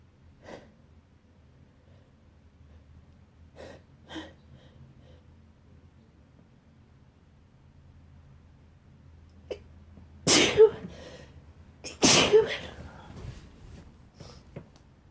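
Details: Person who woke with a tickle in the nose, sneezing in bed: soft sniffs and catching breaths, then two forceful sneezes close together in a quiet room; part of a wet sneezing fit.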